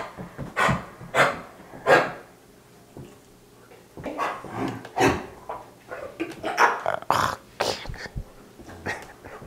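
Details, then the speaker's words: Female dog with kennel cough (infectious tracheobronchitis): repeated harsh, hacking, productive-sounding coughs, as if she is trying to bring something up from her throat and cannot. "So, as you guys can probably hear, she's you got that real productive cough where she's trying to bring something up and she can't."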